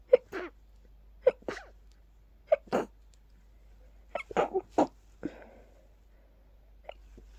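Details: Sneezing fit from pollen after stifling, with watering eyes and increasingly stuffy nose: rapid run of about five sneezes, each a short intake and explosive burst.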